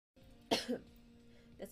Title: girls coughing compilation